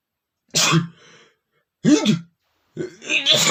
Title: sneezing male #15 (allergy to dust)